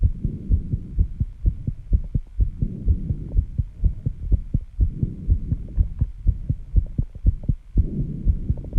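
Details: Own heartbeat after intense exercise with heavy breathing, reported at 134 bpm and audible without the microphone at first: fast, regular pounding at about 125–135 a minute; sinus tachycardia.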